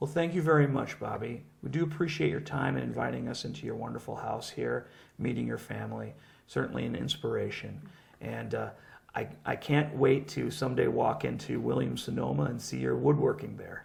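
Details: Adult man speaking; normal speech.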